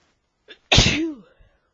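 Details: Adult man whose allergies were acting up: a quick breath in, then one loud, explosive "achoo" trailing into a falling voiced tail after several build-up breaths; a single sneeze.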